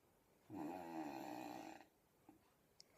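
A single drawn-out, rattling, buzzy snore lasting just over a second, in a quiet room.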